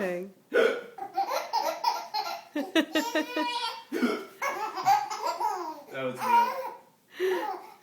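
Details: Father with hiccups while his baby laughs: sharp, abrupt vocal catches amid the baby's repeated laughter; hiccups.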